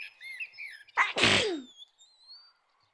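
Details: A girl's single sharp sneeze with a quick indrawn breath before it, birdsong in the background; sneeze.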